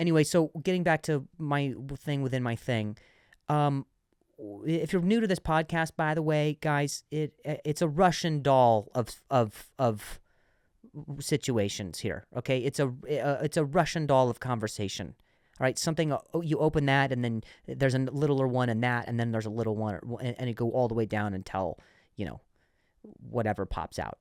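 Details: Adult man who stuttered and says he still sometimes stutters, speaking spontaneously on his podcast with audible word repetitions; stuttering.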